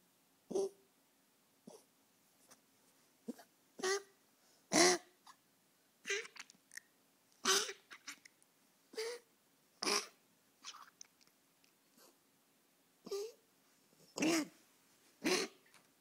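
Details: Puppy with canine distemper, later survived after nebulizer treatments: about a dozen short, harsh, hacking coughs.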